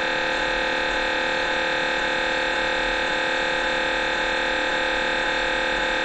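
Loud, steady buzzing hum with rapid regular pulsing, about 130 pulses a minute: the typical gradient noise of an MRI scanner during a brain scan.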